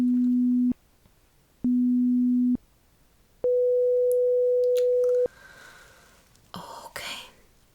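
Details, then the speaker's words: Simulated hearing test in an ASMR ear-exam roleplay: three steady pure beep tones, two shorter lower and one longer higher tone, followed by faint rustling. "So, the last one was longer. Okay. Good job."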